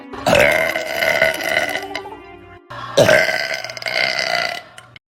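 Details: Girl burping: two long, loud, rumbling burps, each a couple of seconds, with faint background music.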